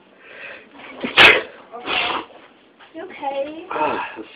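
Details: One sharp, explosive sneeze breaks through quiet talking in a small room; the person says they can't stop sneezing and suspects an allergy.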